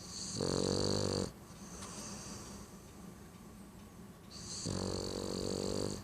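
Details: Sleeping Boston Terrier dog; two loud, buzzing snores with quieter breathing between; snoring.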